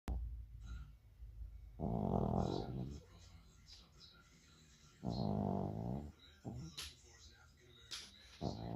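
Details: Small Shorkie dog snuggled on a rainy day gives low, rumbling, growl-like snores on its breaths in, about every three seconds: snoring.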